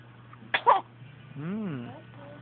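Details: A single abrupt sneeze followed by a short, rising and falling whine-like vocal sound, recorded on a mobile phone: sneezing.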